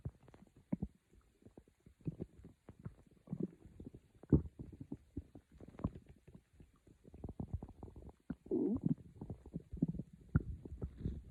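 Quiet, irregular gurgles and low rumbles from the belly; ordinary stomach growling from gas and fluid moving through the gut.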